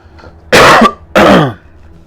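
Two short, harsh throat-clearing coughs in quick succession from an adult man, each partly voiced, in a quiet room: ordinary throat clearing.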